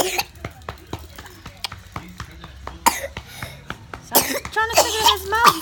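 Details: Young child (toddler) with ongoing illness, no fever now, on steroids, refusing food, repeated coughs in close runs with some voiced sounds near the end; cough.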